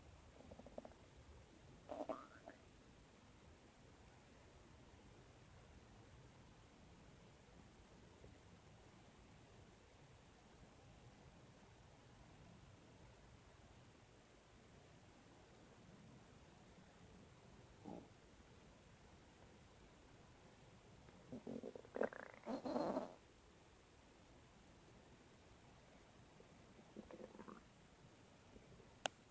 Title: my stomach is making noise